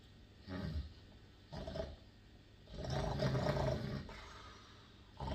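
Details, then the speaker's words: Acted snoring in a Bengali audio drama: a man asleep near dawn after a sleepless night gives loud, rough, rumbling snores on inspiration, changing tone between snores; simulated snoring. "Panchanan সারারাত এপাশ ওপাশ করে ভোরের দিকে একটু চোখ লাগিয়েছে। আর তার সাথে শুরু হয়েছে বিভিন্ন সুরে নাক ডাকার শব্দ। পাশে গিন্নি সুধাময়ী ঘুমের ব্যাঘাত হওয়ায় তাকে খোঁচা মেরে থামতে বলে।"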